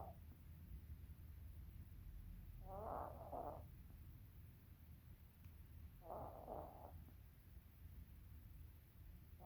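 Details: Resting animal snoring with eyes open: two soft, rasping breath noises a few seconds apart over low room hum.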